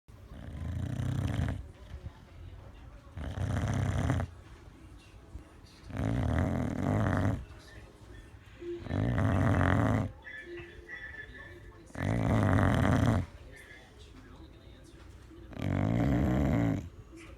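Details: Loud, regular rattling snores, about 20 breaths a minute, from a sleeping dog; described as snoring louder than a 400 lb man.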